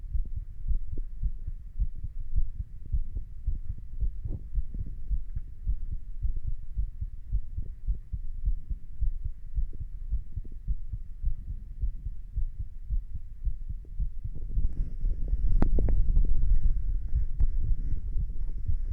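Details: Heartbeat recorded standing, around a little exercise: steady, fairly quick heartbeat of about 110 a minute, soft low thumps through the chest.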